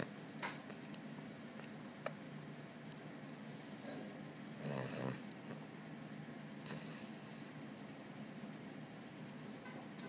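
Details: Dog sleeping on owner's lap in a small room: two drawn-out, rattling snores with quiet breathing between them; snoring.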